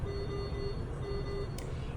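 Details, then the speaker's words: Repeated steady electronic alarm tones over a low machine hum: an anesthesia machine's apnea volume alarm during the pre-anesthesia machine checkout, signalling that the patient is not being ventilated. "that alarm just lets you know that your patient is not being ventilated and you'll even see the words volume at the end how long they've been ethnic"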